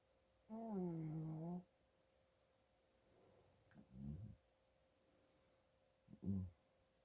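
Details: Adult father snoring from nasal congestion: several snoring breaths in a quiet room, including one long voiced snore.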